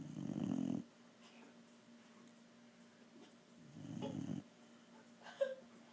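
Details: A sleeping dog snoring: two low, rumbling snores about three and a half seconds apart, with soft breathing between.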